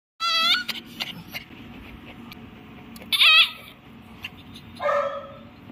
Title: Mommy Dog Crying While Giving Birth,Dog Birthing, First cry #shorts #short #viral #trending #puppy